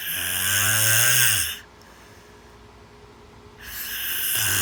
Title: Snoring 4